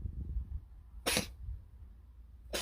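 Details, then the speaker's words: Two short, harsh, explosive dry cough bursts from a cat over a low rumble; cat recently eating a lot with a strange new cough, owner suspects worms or eating mice. "кашляет Я знаю что так моего деда коты делали говорил что это мышей ловит"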